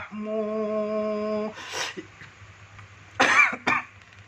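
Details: Accidental cough while practising singing a religious song: a sustained sung note breaks off into a single cough, followed by a short throat-clearing burst.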